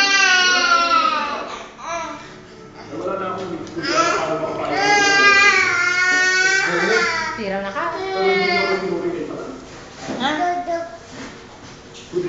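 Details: Child crying during a tantrum: loud, wailing cry with sobbing breaks and some half-formed words.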